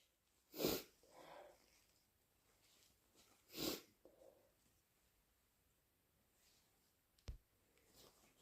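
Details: Person with flu, fever, bad cough and a throat raw from coughing; first sneeze natural, later ones self-induced. Two forceful, harsh sneezes about three seconds apart, each after an in-breath, then sniffing: sneezing.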